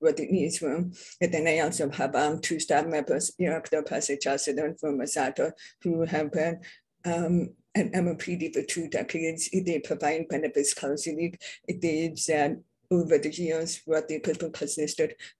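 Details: Adult deaf speaker who identifies herself as deaf with a deaf accent; deaf speech (deaf accent).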